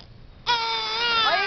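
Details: Baby crying, a short loud high-pitched wail starting abruptly after quiet, while a family member coaxes the baby.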